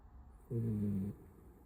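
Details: A sleeping puppy snoring: a single low, buzzy snore lasting about half a second in a quiet room.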